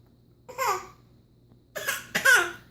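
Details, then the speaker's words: Voluntary cough from a young child, three short voiced coughs given on request rather than from illness. "give a bad cough"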